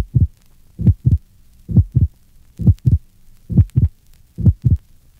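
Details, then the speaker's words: Mitral stenosis: loud, sharp first heart sound from delayed mitral closure superimposed on tricuspid closure, with fibrotic leaflets and high left atrial pressure; regular heartbeat near 67 per minute. "fibrotic leaflets and high left atrial pressures also contribute to this loud sharp first heart sound which is now heard"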